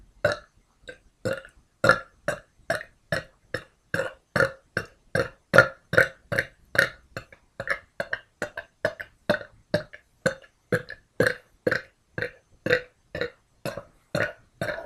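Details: A woman produces a rapid series of about 36 short, voiced burps, roughly two or three a second, back to back; burping.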